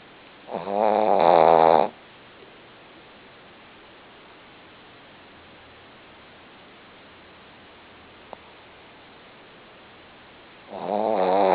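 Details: A male named Bear, worn out and sleeping after surgery: two loud, rattling snores separated by about nine seconds of quiet breathing.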